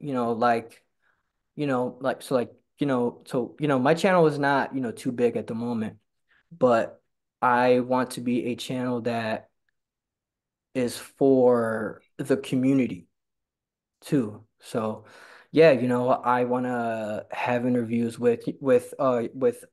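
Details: Stuttering in a male person who stutters who attends stuttering support group meetings, with repetitions and frequent fillers.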